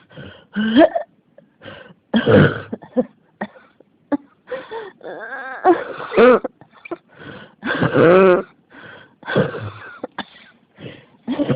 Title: 咳が止まらない 41 cough